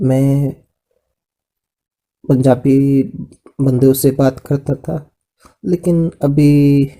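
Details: Adult man with aphasia after a brain haemorrhage stroke in 2014, initially able to understand but not speak; recovering after about 2 years of speech therapy plus physiotherapy and occupational therapy; aphasia after stroke.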